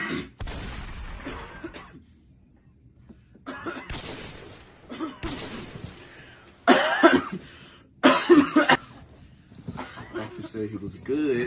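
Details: Staged comedic coughing: repeated acted short bursts, several loud harsh coughs among quieter ones, with room noise between; cough.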